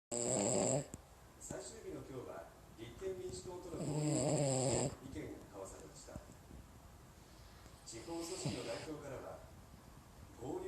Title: キャバリア犬のイビキ💤Cavalier dog snoring💤查尔斯王狗狗阿童木打呼噜